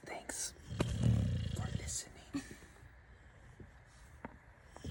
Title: #snoring #sleeping